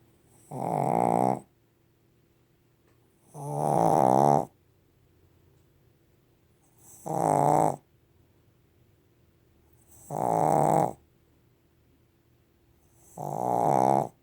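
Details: Sleeping female dog snoring: loud, regular rattling snores, five in fourteen seconds, about 19 a minute; ordinary snoring.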